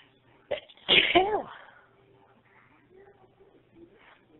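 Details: Sneezing induced with a plastic clothes tag: a quick inhaled catch, then one forceful sneeze, followed by quiet breathing in a room.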